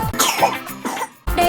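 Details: A few harsh, acted adult coughs over background music in a TV advertisement for an anti-cough patch; the finding is a cough.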